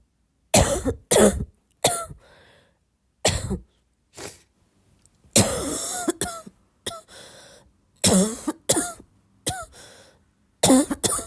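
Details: About a dozen repeated harsh, forceful coughs with throat clearing, some in quick pairs, several with a faint wheezy tail.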